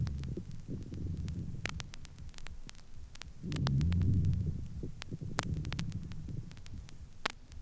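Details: Chest recording with low, humming rhonchi and a few moist, sonorous medium crackles heard as scattered bubbling clicks.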